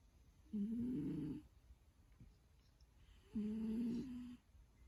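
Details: Asleep and dreaming: two long, buzzing, fluttering snores about three seconds apart, each nearly a second long, in a quiet room. Snoring during sleep.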